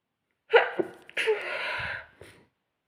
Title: sneezing fit spray read descripción